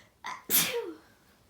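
A short in-breath, then one explosive sneeze trailing into a voiced tail; a single ordinary sneeze.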